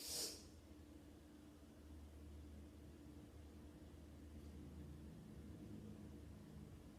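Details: A single sneeze-like snort while sitting: one brief, forceful nasal snort at the start, followed by quiet background hiss and low hum.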